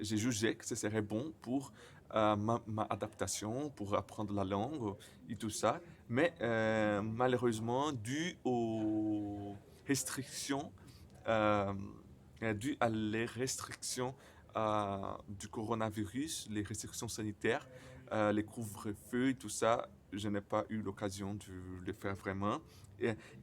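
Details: Stuttering in a 28-year-old Brazilian man living in the Netherlands, speaking French as a second language, who describes his own stuttering as having frequent silent blocks and at times many repetitions.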